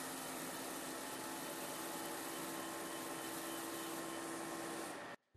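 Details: Fractional CO2 laser running during facial treatment of a 67-year-old woman with moderate photoaging and solar lentigines, after anesthetic cream; density 300 points/cm², 20 mm squares; steady whooshing hum with faint tone, stopping abruptly.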